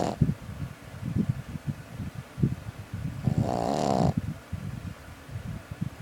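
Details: A sleeping puppy makes rapid low snuffling snorts with a longer rattling snore in the middle; snoring.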